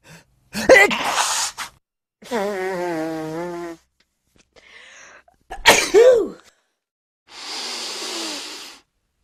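Two sneezes, each with a drawn-in breath and an explosive release, with a voiced sigh and breathy exhales between them.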